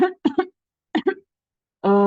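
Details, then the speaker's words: Acted coughing ("uhuk uhuk") by a blue watermelon character in a grade-5 school project video explaining asthma, whose signs include coughing, especially at night. "Kok aku batuk-batuk ya? Loh, kenapa kamu batuk-batuk?"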